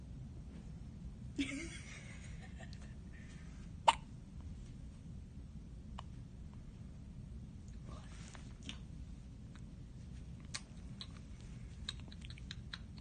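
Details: Day-old newborn girl's first hiccups: a few soft, abrupt catches in a quiet room, consistent with newborn hiccups.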